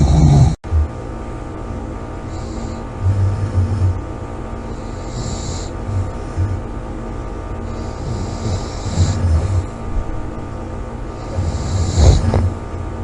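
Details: Loud, rough, low rumbles recurring with sleep breathing over steady room noise; loud snoring during sleep.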